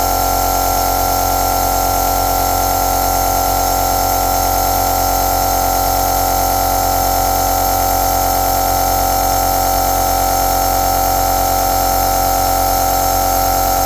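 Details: Running aerosol (nebulizer).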